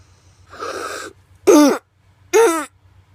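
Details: A child's harsh indrawn breath followed by two hoarse, barking coughs. This is croup, an upper-airway infection with swelling around the larynx, trachea and bronchi that obstructs breathing.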